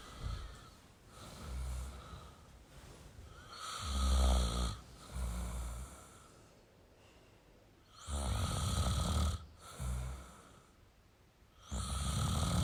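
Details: Male snoring: low, rumbling snores with each breath, spaced irregularly, with quieter pauses between them.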